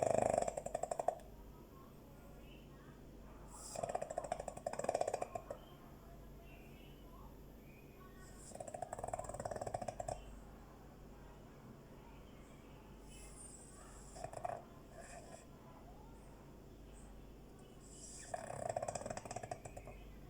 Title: snoring Dog